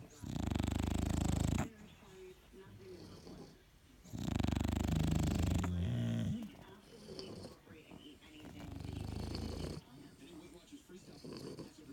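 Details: Sleeping bulldogs snoring: loud, long rattling snores on each breath with softer snuffling in between.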